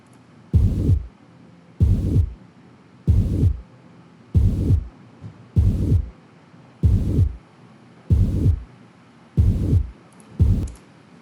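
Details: Regular heartbeat about 47 a minute, with a long low rumbling murmur running from S1 to S2 through all of systole and S2 still heard; a teaching example from a lecture on pericardial and myocardial diseases.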